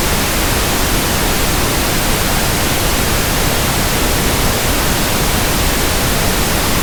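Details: Steady pink noise sample for tinnitus sound matching: soft, balanced static hiss for comparing with ringing ears, tinnitus simulation.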